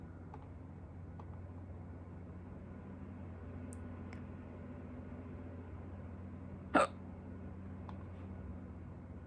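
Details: hiccup A single short, sharp hiccup over steady low room hum, recorded during the person's first bout of hiccups in a long time.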